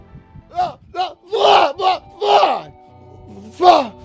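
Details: Adult man with Tourette syndrome producing a loud vocal tic mid-sentence, one he calls rough on the throat; he says his vocal tics leave his throat hoarse and constantly sore. Vocal tic.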